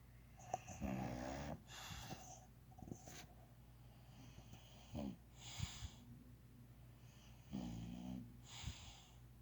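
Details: Low rattling snores recur with each in-breath, about every two to three seconds, with quiet breathing between; ordinary snoring.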